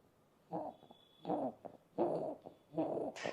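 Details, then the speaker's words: Infant with laryngomalacia, a soft collapsible airway, making rapid, noisy, crowing breaths; inspiratory stridor. "Is called as ಲಾರಿಂಗೋ Malaysia ಲಾರಿಂಗೋ Malaysia ಅಂದ್ರೆ ಏನು soft ಕೊಲ್ಾಪ್ಸಿಬಲ್ airway ಇರುತ್ತೆ ಮಕ್ಕಳದು"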